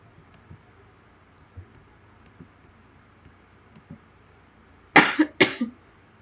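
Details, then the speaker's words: Two short, sharp coughs amid quiet room noise from a speaker who says she is unwell with a sore throat and has been coughing throughout the recording. "Mohon maaf juga karena saya batuk-batuk terus dari awal video sampai akhir."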